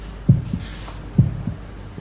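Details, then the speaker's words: Heartbeat sound effect in a TV drama, not a real recording; two loud low lub-dub beats at about 65 a minute. "you hear your heart beating"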